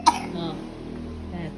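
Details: Baby coughing with a cold and runny nose, said to have had a fever recently that has now eased; cough.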